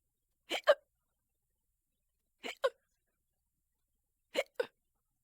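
Three short double-clicked hiccups about two seconds apart in a quiet room, roughly 30 a minute.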